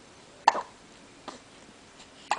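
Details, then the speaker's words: 3-week-old baby girl, weighing 8 lb 12 oz and awake, with recurrent hiccups: two abrupt, short throat clicks about two seconds apart, with a fainter one between, in a quiet room. "LA oh dear yes do we have the hiccups again we're Wide Awake we have the hiccups yes we do goodness oh goodness you going to talk yeah oh goodness bless your heart this is a common occurrence yes it is"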